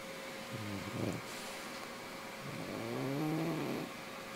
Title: English bulldog "Mister sleeping and snoring